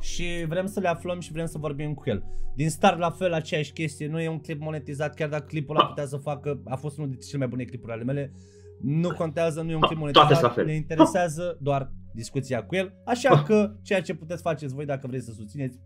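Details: Adult male speaker; typical speech.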